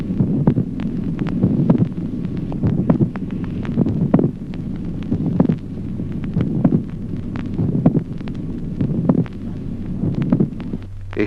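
Regular heartbeat about 48 a minute, a sharp extra click just before the dull second sound, over a steady low hum: late systolic click.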